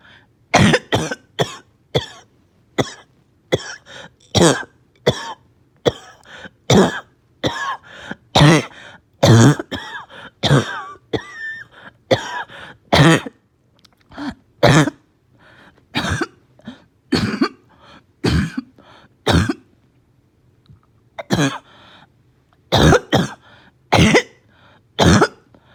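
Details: A child with a slight fever, gagging and vomiting coughs in repeated harsh, hoarse bursts, typical of upper airway irritation: barking cough.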